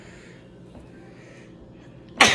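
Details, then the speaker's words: Quiet room, then one sudden, loud, explosive sneeze at night, part of a sneezing attack in an adult who says shots make him stuffy and nasal; sneeze. "One more for good measure. I get sneeze attacks."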